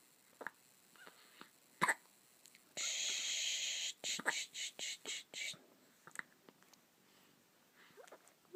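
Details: Recurrent hiccups: brief, sharp gulping sounds between soft whispery noises, with a burst of hissing noise in the middle.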